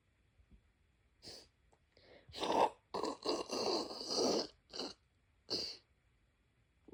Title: sneeze 3